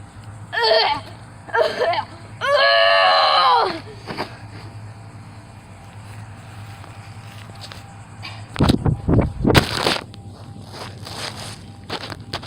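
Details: A cat with a cough, thought to be a hairball, gives a few meow-like cries and then several harsh, dry hacking bursts in quick succession.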